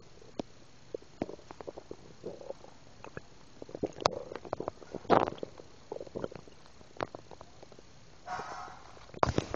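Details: Irregular gurgles, clicks and rumbles from the belly after drinking milk: active bowel sounds (borborygmi).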